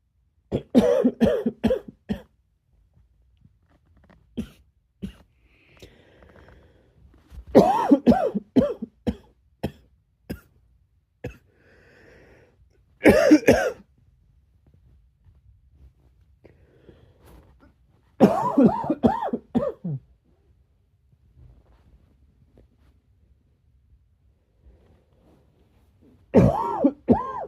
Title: A quick breathy cough